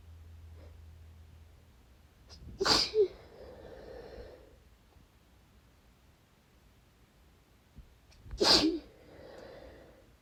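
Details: Two forceful, wet, desperate sneezes about six seconds apart, each preceded by a sharp inhale and followed by breathy sniffling; cause unknown, with a strongly tingling nose, plus some dry coughing.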